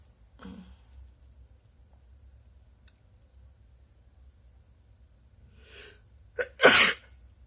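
A soft breathy intake and sniff, then a loud, explosive sneeze near the end; ordinary sneezing.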